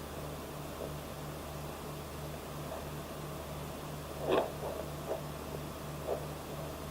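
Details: Home Doppler on a 22–23-week twin pregnancy: a fast, even pulsing through Doppler hiss, about 150 a minute; fetal heartbeat.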